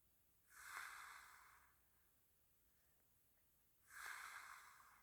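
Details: Snorting: two loud, harsh, hissy nasal bursts about three seconds apart, each lasting roughly a second, as forceful snorting breaths through the nose from a sleeping person.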